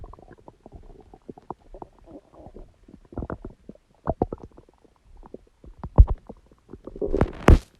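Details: Bowel sounds (borborygmi): stomach growling and noises from the abdomen.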